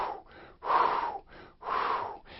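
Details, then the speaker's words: Vocal imitation of the murmur of a 72-year-old man with heart failure, dyspnea at rest and orthopnea: a 3/6 blowing holosystolic murmur, best heard laterally and at the apex, no third heart sound; even, blowing whooshes through each beat: mitral regurgitation. "here it is with the murmur dub dub dub you can hear that sort of blowing murmur very different from the murmur of aortic stenosis"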